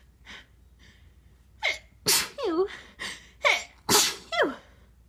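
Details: Normal sneezes induced with a tissue: a series of gasping in-breaths and sharp sneezes with sniffing in between.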